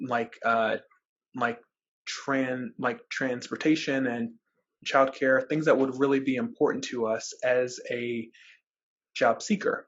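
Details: Real stuttering in a man who describes himself as a person who stutters, speaking as a webinar co-host; repetitions and filler interjections are heard; stuttering.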